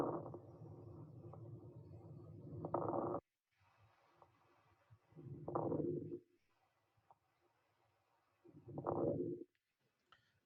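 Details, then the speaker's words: Lung auscultation through a stethoscope, teaching recording: fine, brief crackling pops during breaths, causes listed as pulmonary edema, early heart failure, asthma, chronic bronchitis; fine crackles. "same main causes over this sounds are pulmonary edema early cardiac heart failure asthma and chronic bronchitis let me listen this sound at first we heard fine crackles"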